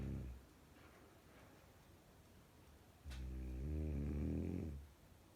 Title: SNORING GIRLFRIEND!